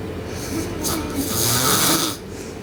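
A loud, harsh, rasping breath noise rising over about a second and then easing, typical of a snore from a sleeping child.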